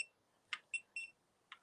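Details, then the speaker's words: A finger pulse oximeter gives several short, high-pitched beeps as the reading settles at 92 percent after a retry on a different finger; earlier readings were 87, 89 and 91 percent. "89. It's not great. I'll do it again with a different finger. That's what they done in the hospital."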